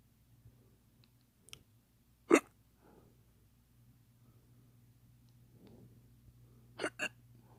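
A few short, sharp throat clicks with faint room hum, consistent with hiccups, possibly faked.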